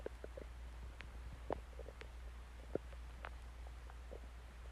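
Soft, irregular gurgles and short squeaks from the belly over a steady low hum: ordinary stomach growling.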